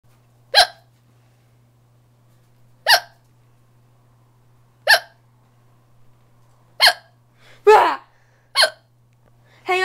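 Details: Person with hiccups while a friend tries to cure them, including by spraying water: five sharp hiccups about every two seconds, roughly 30 a minute, with brief voice sounds between; hiccups.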